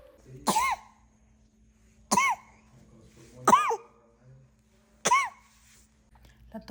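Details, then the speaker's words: Infant with recurrent cough for the past five months, not daily but always sounding the same: four short, similar coughs, each with a brief voiced, squeaky tail; pediatrician visit planned. "mi bebé ha tenido esta tos por los últimos 5 meses a"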